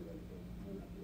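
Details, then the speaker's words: Loud speech heard with a simulated high-frequency hearing loss on the left side: sound is audible but muffled and dull, with the crisp upper sounds missing. "so as you can tell they can hear sound but it's really muffled so even when we raise the volume of our voices they're not hearing very clearly it's muffled"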